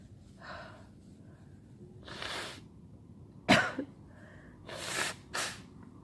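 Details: Sneezing fit: several forceful sneezes in a row with sharp inhalations between them, in a quiet room, from a sick person who has been sneezing all day and has a headache.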